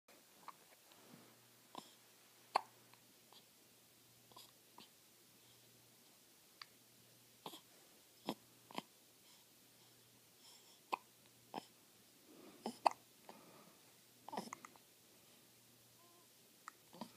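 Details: Soft, sharp hiccup clicks at irregular intervals in a quiet room; hiccups.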